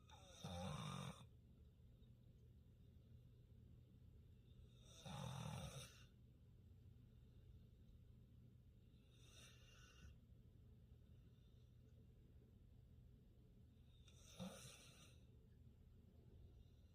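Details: Pit bull sleeping: four loud, low, buzzing snores spaced several seconds apart, each on a breath in, against a quiet room hum; snoring.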